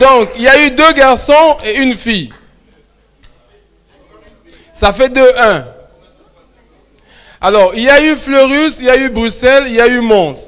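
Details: Adult male speaker; Normal voice.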